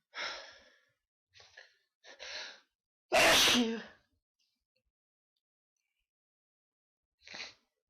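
A single loud, explosive sneeze, with short breaths and sniffs around it in a quiet room.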